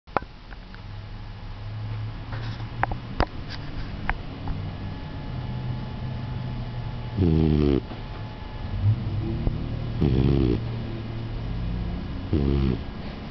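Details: Four-month-old beagle–Australian shepherd mix puppy sleeping, soft rumbling breaths with three louder snoring bursts over a low background hum; loud snoring.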